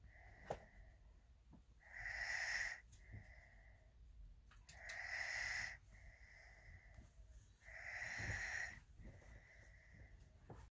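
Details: A male asleep in a bed after a long day: high-pitched, whistling snoring with a wheezy tone on each breath, about 20 breaths a minute; snoring.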